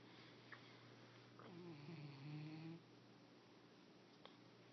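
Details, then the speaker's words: Snoring in a sleeping male cat: a soft, low, buzzing breath lasting over a second with a faint fluttering quality, over room hum. "Tequila. You're snoring. Okay, go back to sleep."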